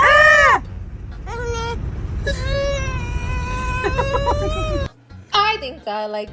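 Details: Scared baby crying: loud, tonal infant wails in short bursts over background music and noise; infant cry.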